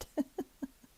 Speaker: I'm coming through the other side and you may be hearing my chihuahua snoring in the background